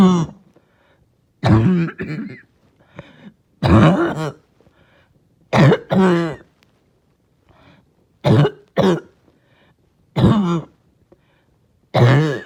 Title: Barking Cough (trying not to choke)